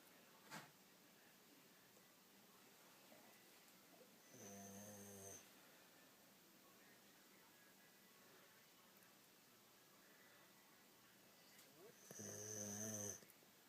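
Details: A female sleeping after a rough day: two buzzing snores about eight seconds apart over steady room hiss, roughly seven to eight breaths a minute; ordinary snoring.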